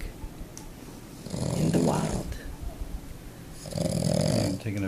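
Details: A sleeping pug, a flat-faced small dog, snoring: two loud, rough, rattling breaths about two seconds apart over quiet room noise; snoring.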